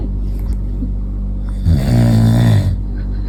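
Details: Adult, the baby's father, snoring while the baby reacts: a loud, deep, rumbling snore lasting about a second over a steady low room hum.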